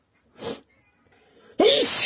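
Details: Person sneezing a lot: a soft sneeze, a brief pause, then a louder forceful sneeze; sneezing.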